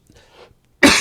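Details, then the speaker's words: An adult coughs during speech, apologising for coughing a little: a soft breath, a brief pause, then the abrupt, loud start of a cough. "Oh, Deus. Desculpe-me por estar um pouco tossindo."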